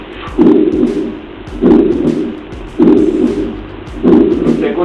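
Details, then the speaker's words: Heartbeat about 48 a minute with a loud, harsh systolic murmur that starts right on the first heart sound and fills systole, in a patient with heart failure from dilated cardiomyopathy with poorly moving valves and enlarged chambers. "lo otro que se nota acá que los ruidos ya no son ruido neto y silencio libre acá te puse un tremendo soplo sistólico fíjense que mire el R1 la el R1 pegado con El choclo lo alcanzan a darse cuenta así"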